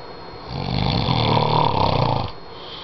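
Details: Snoring during sleep: a single loud, rough, vibrating inhaled breath.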